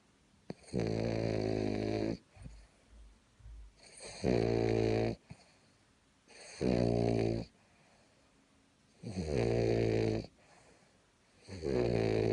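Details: Loud, regular snoring: about five rattling snores over twelve seconds, roughly 25 breaths a minute, with quiet pauses between.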